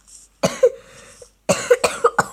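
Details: A run of short, moderately loud coughs in two clusters, about six in all, from a girl who says she is slightly ill with a cough and runny nose while playing Minecraft.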